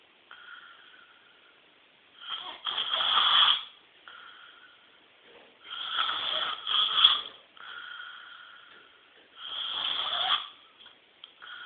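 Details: Chronic snoring; tonsillar hypertrophy queried. Loud, harsh fluttering snores with whistly breathing between them, about 17 breaths a minute; habitual snoring.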